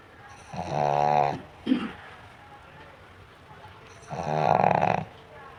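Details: Sleeping pug: two loud, buzzing snores a few seconds apart with a brief snort between; ordinary snoring.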